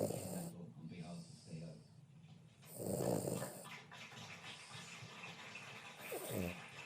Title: Princess snoring!